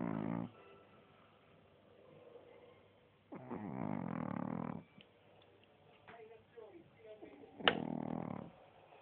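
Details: Boston terrier snoring while asleep: three loud, rattling, trombone-like snores, about 16 a minute, with quiet breathing between.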